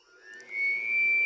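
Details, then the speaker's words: Blower start-up of a prototype non-invasive blower-based CPAP/BiPAP ventilator, still under development, started in BiPAP mode with IPAP/EPAP set: a rising high whine with a steady tonal hum. "after that you can hear the noise of the blower"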